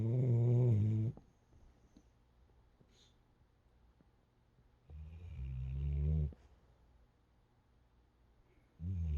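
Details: Dog sleeping deeply after a full weekend of running and training, snoring.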